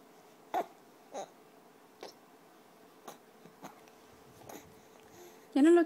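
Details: A child gives about six soft, short, deliberate fake coughs, then a brief voiced sound at the end; voluntary cough.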